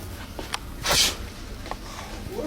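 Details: Staged street-prank sneeze: one sharp, explosive, hissing sneeze burst with faint room noise, the prankster then jokingly claims to have the flu; a sneeze.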